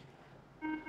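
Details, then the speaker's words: Ventilator oxygen supply failure alarm in an ICU training demo: a steady electronic tone over low room noise, because the oxygen hose is not connected, so it runs on 21% oxygen with saturation set at 80%. "Oxygen supply failure. We are not we have not connected the host to the oxygen. So it's running on a 21% oxygen and I have set the saturation to 80%. So the alarm is ringing."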